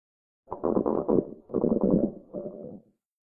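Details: Three gurgling, rumbling bursts over about two seconds from a growling stomach; normal bowel sounds (borborygmi).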